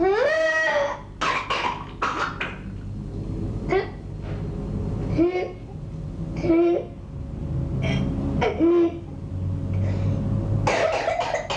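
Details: Repeated coughs and throat clearing from an adult woman with a persistent cough of 3 months that left her drained, diagnosed as whooping cough (pertussis) by blood test.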